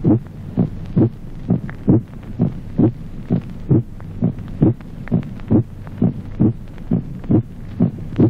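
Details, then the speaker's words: Regular heartbeat near 67 a minute with a loud, ringing, musical aortic second heart sound in an aortic aneurysm. "Resonancia del segundo ruido cardíaco. Timbre musical del segundo ruido aórtico en el aneurisma de la horta."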